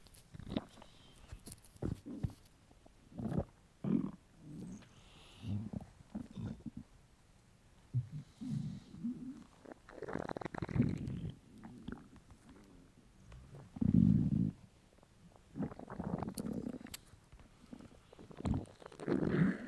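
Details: Hunger stomach rumbles from a male: irregular low gurgling rumbles coming and going in a quiet room; normal borborygmi.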